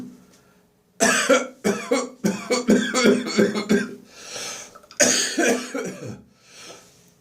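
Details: Dry morning cough lingering after bronchitis, phlegm nearly gone: about ten harsh, dry coughs in quick runs, with no rattle.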